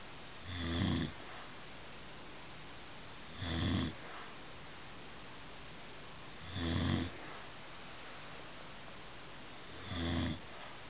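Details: A person snoring, with four rhythmic, rough snores about every three seconds, roughly 19 a minute, over a steady background hiss.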